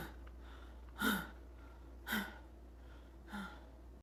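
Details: Three short, harsh, explosive coughs with a hollow, choking, barking quality, about one every second, over a low room hum: barking cough.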